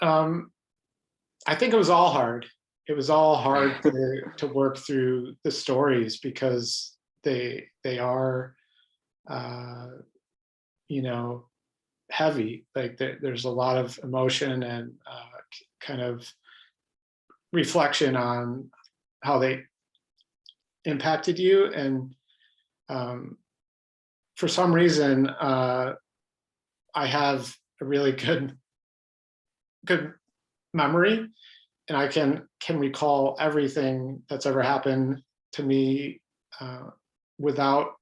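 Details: Adult man who stutters, pattern described as mostly blocks, speaking spontaneously in a real interview; stuttering.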